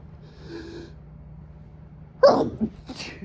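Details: Adult man at 3 am in a motel, nose itchy and runny from a high pollen count, trying to stifle a sneezing fit: faint breathy sound, then one forceful sneeze and a softer follow-up burst.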